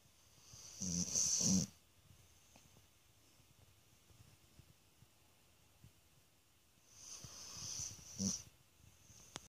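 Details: Sleeping female snoring: two loud, rasping snoring breaths about seven seconds apart, with quiet between.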